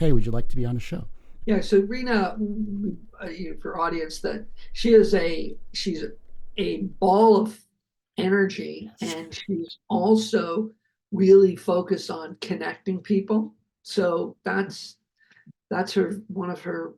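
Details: Adult male film producer, a heart attack and aphasia survivor with multiple health challenges, speaking just after noting his aphasia was kicking in; aphasia.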